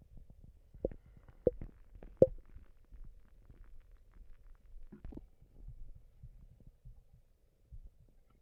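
Soft irregular gurgles and squelches from the belly, a few louder pops; ordinary stomach rumbling.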